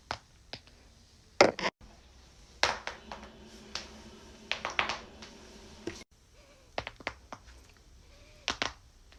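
Series of sharp, short pops and clicks from joints cracking, a common harmless sound.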